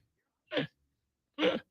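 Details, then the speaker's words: Adult gets hiccups mid-conversation on a live show: two abrupt, short voiced gulps about a second apart, described as 'nerd hiccups'; hiccups. "No, I got hiccups. Oh, gotcha. I can't help you with that. And I have nerd hiccups."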